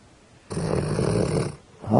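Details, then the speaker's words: Snoring from Holly, a female dog napping: a single loud, rough, rattling breath lasting about a second. "Ollie, Holly, I think you're snoring. Holly, wake up, girl."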